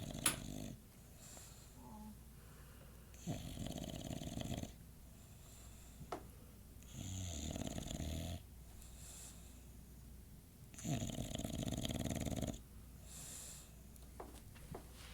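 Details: Bradley, an English Bulldog, at 2:50 am; loud rough rattling snores on each breath, about four over fifteen seconds, with quiet pauses between: typical flat-faced dog snoring.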